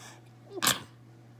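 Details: Induced sneeze with a tickly nose: a brief indrawn breath, then one sharp, hissing sneeze over a low steady room hum.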